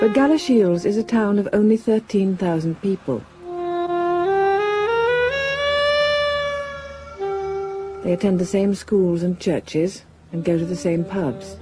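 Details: Adult narrator; Normal fluent speech.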